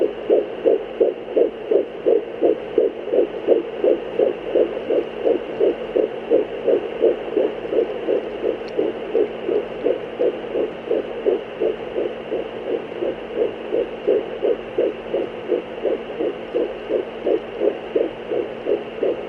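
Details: Fetal heartbeat on Doppler: fast, steady whooshing pulses at around 160 per minute with a steady background hum.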